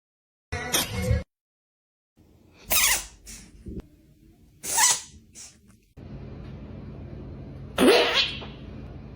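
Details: A cat gives about four short, sharp, hissing sneezes in quick succession, some with a softer follow-on snort, over faint room noise; repeated sneezing.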